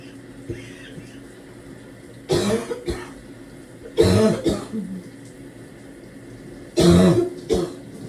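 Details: Three bouts of deep, harsh, barking productive coughs, each a strong burst and follow-up, while showering and trying to clear phlegm; running water behind.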